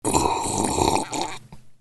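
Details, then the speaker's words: Acted imitation of snoring: one long, loud, rough rattling breath, then fading snorts, in a simulated scene about noisy sleep sounds. "hey you are making a lot loud sounds in your sleep uh uh was I snoring yes you were snoring it's so annoying"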